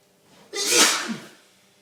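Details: Man in a long, violent sneezing fit from a very sensitive nose, with his eyes watering and nose streaming: a single loud, forceful sneeze, a short in-breath then an explosive hissing burst.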